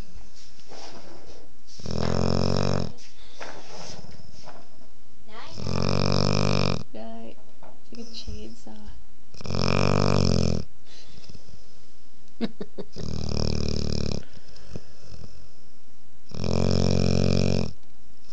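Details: A 5½-month-old female Boerboel puppy asleep with her head on her owner's lap. Loud, deep rumbling snores about every four seconds, roughly 14 a minute, with softer breaths between.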